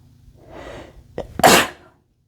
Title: cough sneezes (m)